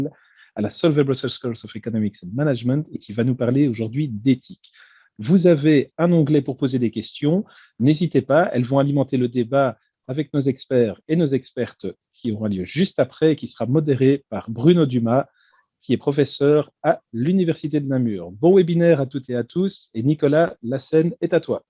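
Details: Adult speaker; Normal voice.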